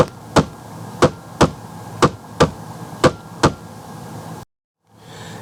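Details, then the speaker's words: Laptop-simulated normal heart sounds, as heard with the stethoscope diaphragm over the brachial artery: S1 and S2 produced by valve closure. "But normally you would sound something you would hear something like that as S1 and S2 when the valve closes."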